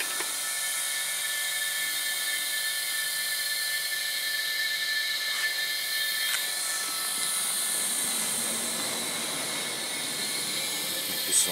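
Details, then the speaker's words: Italian Silair dental air compressor, 8 atmospheres pressure, running with its fan switched on: continuous steady mechanical hum and hiss with fan whirring. "компрессор стоматологический итальянский, 8 атмосфер давления. Название Sealer."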